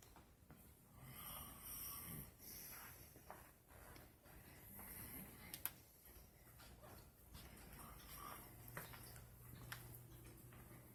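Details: Soft, low rhythmic snuffling breaths with faint whistling notes, about five or six in ten seconds, from a sleeping pet: quiet snoring.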